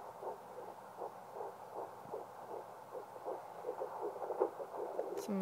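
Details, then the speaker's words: Fetal heartbeat at 10 weeks 6 days on a home 2 MHz handheld Doppler, mother applying more pressure; rapid soft whooshing pulses about 160 bpm, easily lost, sometimes distorted by maternal heartbeat. "a little more pressure that's how I find my baby's heartbe and as you can see it's easily I can easily lose it and there's sometimes Distortion with my own heart heart rate I love that sound"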